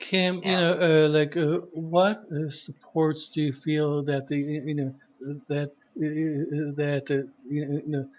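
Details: Stuttering in an adult man who says he is a person who stutters, with repeated part-word repetitions ("a a a a").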